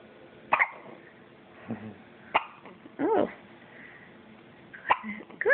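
Brief, abrupt catches in the breath every second or two, with soft vocal sounds between them; infant hiccups.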